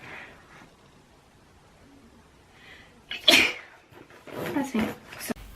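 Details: Sneeze in a quiet room: a sharp burst of breath, then a second noisy burst.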